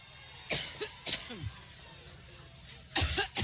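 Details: A woman coughing during a campaign speech in Cleveland, Ohio; the uploader attributes it to allergens.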